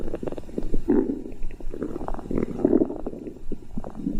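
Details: Stomach growling: low, bubbling gurgles and rumbles, ordinary bowel sounds.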